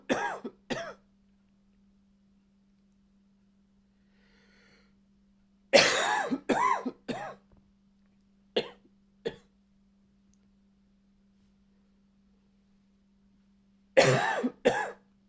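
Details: Adult male acting short bursts of dry, slightly barking coughs in brief fits; dry barking cough.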